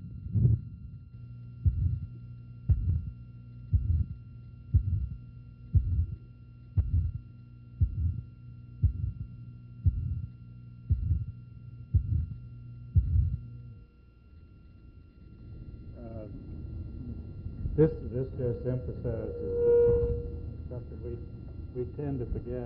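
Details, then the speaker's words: Auscultation at the shoulder tip: regular heartbeat near 60 a minute with a harsh murmur, left of sternum, transmitted by bone via clavicle to shoulder; aortic stenosis murmur heard at the shoulder. "some of the transmission of this murmur this murmur goes up into the neck you can hear it out the bony clavicle you can frequently hear it at the shoulder tip and sometimes you can hear it down on the tip of the elbow here you're listening to the shoulder"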